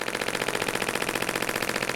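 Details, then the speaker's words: Adult woman with plantar fasciitis for over 3 years, radial shockwave handpiece switched on over calf trigger points, intensity adjusted to tolerance: rapid rattling mini-jackhammer impact pulses into soft tissue; radial shockwave therapy device. "so we turn that on it sounds kind of like a like a mini little jackhammer"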